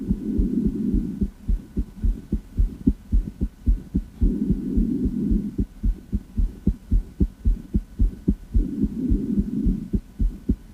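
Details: Female, heart auscultation through a stethoscope; regular heartbeat near 109 a minute with clear first and second sounds and a soft hum between beats; normal heart sounds.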